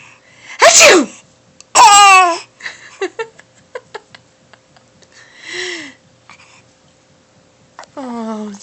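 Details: Two loud acted sneezes from the infant girl's father, each followed by the infant's bright laughter; the infant has hiccups; light room noise.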